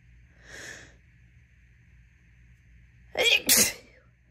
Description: My nose has been itching like crazy all day but no sneezes. Decided to induce to try and get some of them out. My nose was literally itching so bad during this. They were super wet and messy too 🙃